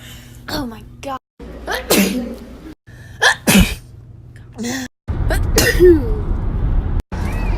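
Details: Compilation of a person's sneezes over a year: repeated sharp, explosive sneezes, several in a row, with brief gasps between against a humming background; sneezing.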